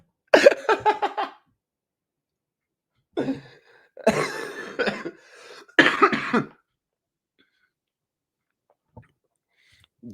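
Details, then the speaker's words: Adult man at the worst stage of an illness with a thick "smoker's cough": several harsh, rattly, wet-sounding productive coughing bouts. "I'm at the worst stage of being sick. Like the the thick ass [ __ ] smoker's cough. It sounds like I just smoked a pack of Marbor Reds,"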